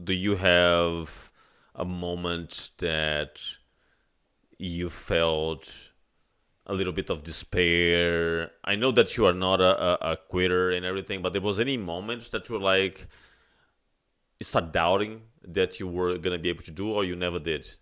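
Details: Adult man speaking; ordinary speech.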